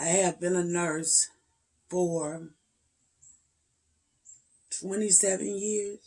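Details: 56-year-old woman with spasmodic dysphonia and voice tremors, treated with neck injections to paralyze the muscles around the larynx every three months, the last a little over two weeks before recording; spasmodic dysphonia.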